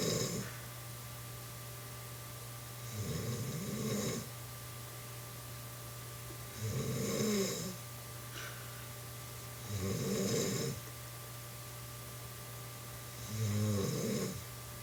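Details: Woman who insists she does not snore, snoring while asleep: rough, rattling snores on each inhalation, about 18 a minute, over a steady low room hum.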